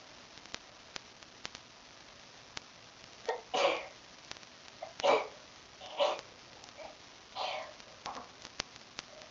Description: Luckily I was at the computer to catch this sneeze attack